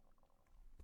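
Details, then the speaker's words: Faint low gurgling rumble from an adult man's belly while he reads aloud, ordinary bowel sounds of gas and fluid moving through the gut: stomach gurgle (borborygmus). "Hear that gurgle? Listen. As he reread it. Of course, fuck. I swear to God, man. Your body just kind of works against you sometimes."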